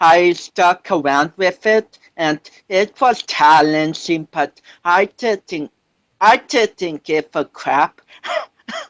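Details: 25-year-old man with cerebral palsy since birth, which he says affects his balance, coordination and speech; doctors had told him he would never walk; real speech; dysarthria (cerebral palsy).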